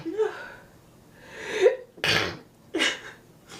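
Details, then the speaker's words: Girl sneezing: rising breathy wind-ups, then two sharp sneeze bursts in quick succession, faint voice in background. "Finally got some more sneezes for you guys."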